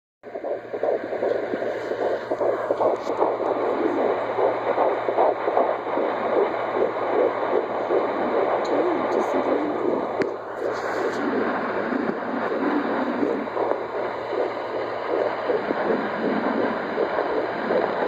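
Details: Fetal heartbeat at 13 weeks of pregnancy on a rented home Doppler monitor: fast, swishing rhythmic pulses at about 155 a minute, usual range 155–170.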